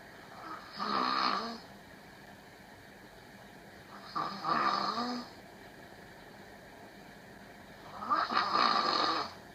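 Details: Girlfriend fell asleep during a video call and is snoring: three rattling snores about every four seconds, roughly 15 breaths a minute, with quiet pauses between.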